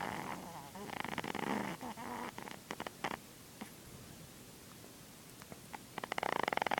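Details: Pet with a cold and an ear infection, on the mend, asleep: rattling, fluttery snoring with congested, irregular breathing; snoring.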